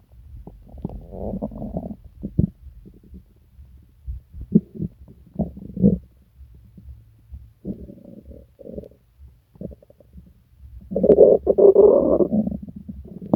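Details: Person sick for several days with stomach pain, diarrhea and nausea: irregular abdominal gurgling and bubbling bursts building to a loud, prolonged growl (borborygmi).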